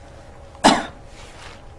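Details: Single short, dry voluntary cough from an adult on request during abdominal physical examination, in a quiet room, used to help localize abdominal pain.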